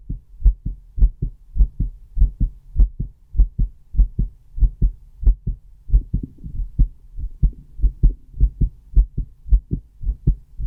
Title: Recording my heartbeat with a stethoscope!